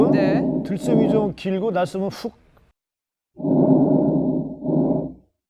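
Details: Normal breath sounds heard through a stethoscope, played for comparison just before an asthma patient's wheezing breath sounds.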